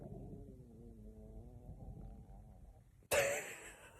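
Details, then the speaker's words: Adult woman's stomach growling (borborygmi) in the morning after drinking coffee in bed, before breakfast: a low, wavering gurgle with slowly sliding pitch for about three seconds, then a sudden loud rustle. "I've just drank my coffee in bed. I always drink it in bed, but um my stomach is in tus now. I don't know if you can hear this."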